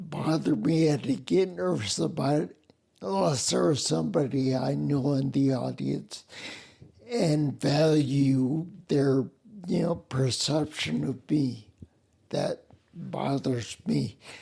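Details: Adult man with spinocerebellar ataxia, a rare neuromuscular disease with mobility problems, speech impediment and noise-induced anxiety; slurring makes him sound drunk, staggering gait; ataxic dysarthria.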